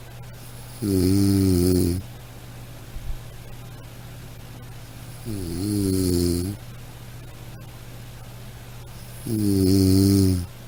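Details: Snoring: three low, buzzing snores on breathing in, about four seconds apart, over a steady low hum.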